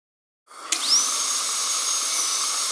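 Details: Dentist's drill with aspirator: a high, steady, piercing whine rises to full speed over a loud airy suction hiss, the dental drill running with suction on.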